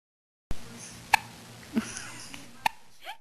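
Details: Baby with hiccups, recorded on a digital camera; hiccups often persist through the day: two brief, sharp hiccups about a second and a half apart over faint room hum.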